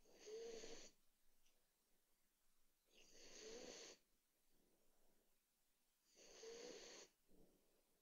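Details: Soft, steady snoring from a sleeping dog, light whistling tone in each breath, about 20 breaths a minute; snoring.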